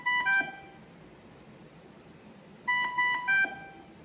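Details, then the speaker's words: Dräger Savina mechanical ventilator during its pre-use alarm check: short groups of electronic alarm tones separated by pauses of quiet room noise; ventilator alarm test tone. "soñar de alarma de media prioridad es la de color amarillo la de alta prioridad la roja la color amarillo es la de media prioridad y la de azul es la alarma de baja prioridad"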